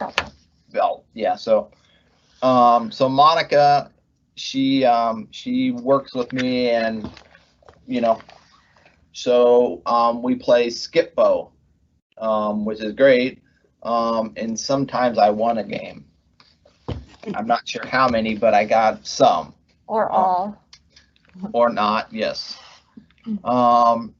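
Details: Adult male pharmacist, months after left-hemisphere ischemic stroke from left internal carotid dissection with right hemiplegia, treated with speech therapy, persistent word-finding difficulty; halting speech with repeated fillers and words; aphasia after stroke.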